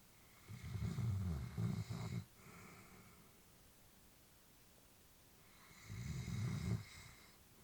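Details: Elderly female Labrador asleep, family worried about her; two slow, rumbling snoring breaths with quiet pauses, about 11 breaths a minute, ordinary snoring.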